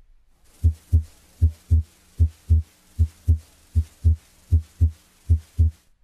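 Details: Heart sounds at about 75 a minute, regular lub-dub; S2 splits briefly on inspiration and is single on expiration: physiologic splitting of S2.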